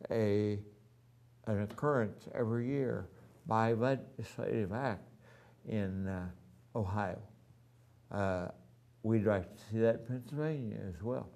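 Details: Adult man with ataxia, voice somewhat affected since the previous year, has had voice therapy, now wheelchair-bound with neuropathy in his hands; ataxic dysarthria.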